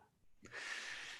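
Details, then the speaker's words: A single abrupt, raspy cough from the speaker's dog in a quiet room, heard during a live stream; the dog's cough is a frequent background sound on their business calls. "Oh, yeah. Sorry. That's my dog coughing. Can you hear that?"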